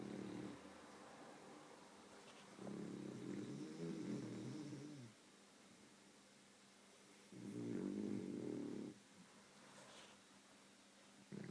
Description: My beagle snores and twitches in her sleep